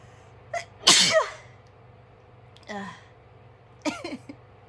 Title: not allowed to blow my nose again but with loud sneezes this time!